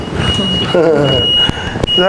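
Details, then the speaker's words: Steady high-pitched ventilator alarm tone with nearby voices and clicks during an adult ICU practical training session: the ventilator reports low oxygen inlet because it is not connected to oxygen; PIP had just been set to 8. "Dice que hay baja entrada de oxígeno, porque es que él no está conectado a oxígeno, ¿sí ves? Debería estar conectado."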